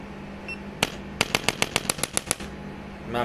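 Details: Sharp rapid clicking, about nine quick snaps in a burst: a handheld chiropractic adjusting instrument tapping along the upper back during treatment for chronic back pain.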